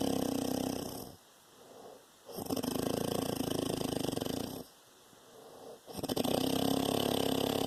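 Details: Papa snoring: loud, rattling, fluttering breaths in a steady rhythm of about 17 per minute, with quiet pauses between them.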